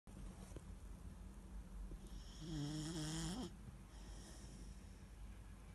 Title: Weimaraner puppy snoring